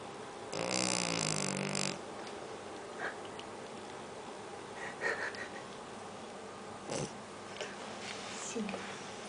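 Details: Pi Pi snoring: a single rattling, buzzy snore at the start, followed by faint sniffs and soft breathing noises in a quiet room; ordinary snoring.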